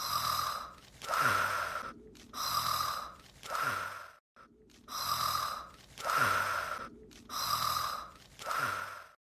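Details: Looped cartoon snore from the anime Sekai Seifuku: Bouryaku no Zvezda, not a real sleeper: regular loud snoring, about one breath every two seconds, each with a snorting, whistling in-breath.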